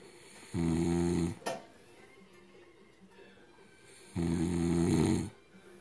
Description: My man drinks alot of alcohol, so he goes to sleep... he snores very loudly and at times is UNBEARABLE!!!!